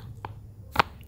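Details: Seated cervical chiropractic adjustment of an adult female personal trainer with stiff neck, shoulders and back, her first such treatment: a faint click, then a single sharp joint cavitation crack over quiet room noise.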